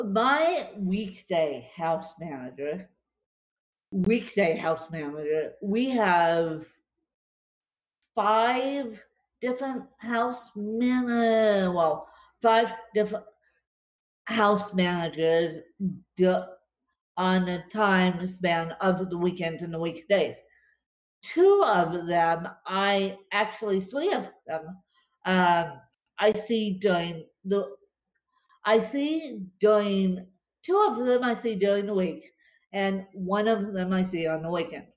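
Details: Adult woman with cerebral palsy affecting limbs and brain, speaking after a bad spasm day and describing her speech as tongue-tied today; dysarthria (cerebral palsy).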